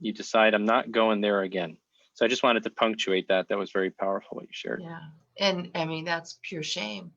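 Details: Adult male speaker; normal adult speech.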